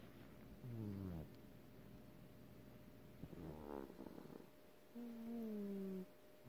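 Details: Sleeping pet animal snoring: three drawn-out, squeaky, whistling breath noises rising and falling over soft background hiss.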